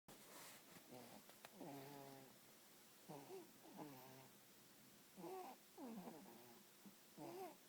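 Irregular rumbling, whistly snores with a nasal, purring quality, about 29 a minute; ordinary snoring.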